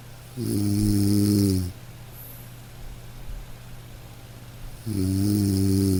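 Two loud, buzzing snores on the in-breath about four seconds apart, with quiet breathing between them.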